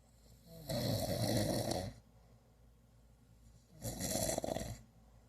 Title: My boyfriend loud ass SNORING again lol